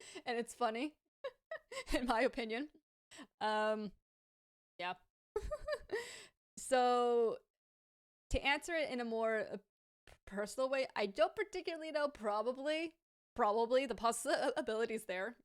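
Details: Adult woman with a lifelong stammer, native English speaker and fluent in Hebrew as a second language, who says it is now worse in Hebrew and worsens with pressure, anxiety and being rushed: stuttering.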